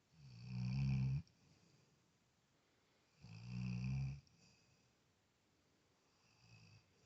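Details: Labrador dog snoring: two deep, rumbling snores about three seconds apart, each around a second long, with quiet breathing between; ordinary snoring.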